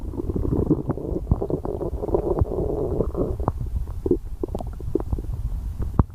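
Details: Low rumbling and gurgling from the belly with a few short pops; ordinary stomach growling, borborygmi.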